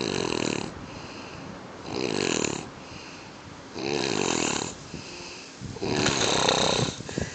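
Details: Four rattling, fluttering snores about every two seconds with quiet breathing between them: ordinary snoring.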